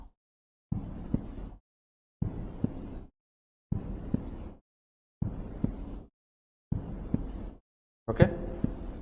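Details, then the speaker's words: Normal heart sounds heard at the apex in a teaching recording: regular paired S1 and S2, with the first heart sound louder than the second. "so now listen to the normal first and second heart sounds at fex and Bas just concentrate that the first heart sound is louder here compared to the second heart s"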